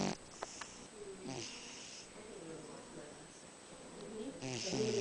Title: Snoring cat